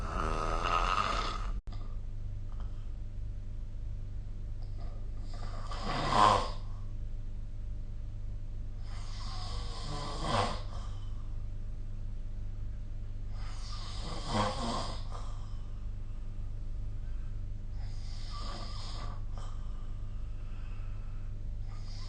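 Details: Rasping snores recur about every four seconds, roughly 15 a minute, over a steady low room hum; sleep snoring recorded with the SnoreLab phone app.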